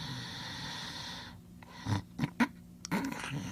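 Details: Max asleep on a recording labeled voice over: a few short nasal snorts and snuffling breaths in a quiet room, with a steady hum before them; snorting during sleep.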